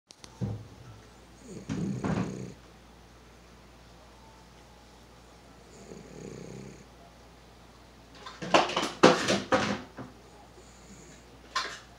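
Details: A pug snoring while asleep: rough, rattling snores from a small flat-faced dog, heard in uneven bursts over a steady room hum.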